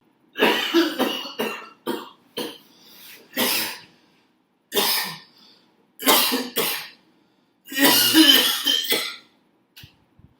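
A run of about eight harsh, forceful coughs in irregular bursts with brief pauses between them: a repeated, fit-like cough.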